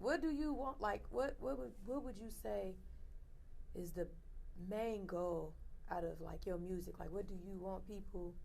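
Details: Adult speaker; typical speech.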